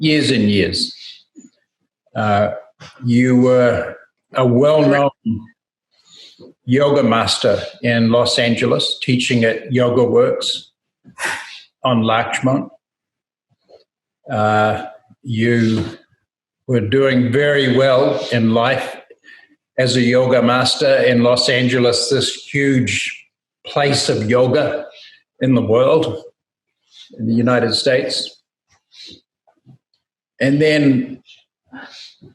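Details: Adult man speaking; normal speech.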